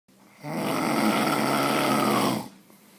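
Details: Person snoring: a single long, rough, rattling snore on an in-breath lasting about two seconds, against quiet room noise.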